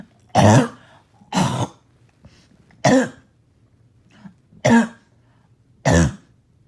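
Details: Five harsh, loud coughs in about seven seconds, each a single rough bark with a slightly wet edge: barking cough.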